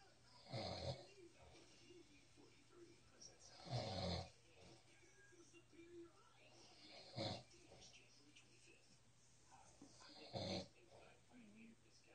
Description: Snoring Cat. Wychin